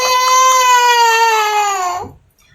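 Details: One-year-old breastfed boy, described as anemic, crying while being given vitamin C: one sustained, steady-pitched wail of about two seconds, falling slightly at the end; ordinary infant cry.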